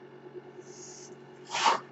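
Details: Mechanical ventilator cycling, heard during a podcast recorded by its ventilator-dependent host: steady low machine hum with soft airy hiss, then a brief loud puff of air.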